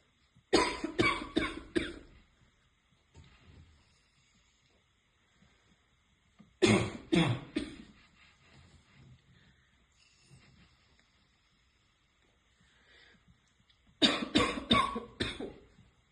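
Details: Girl who smokes with a barking cough: three bouts of harsh, loud coughing, about four coughs each, with quiet breathing between bouts.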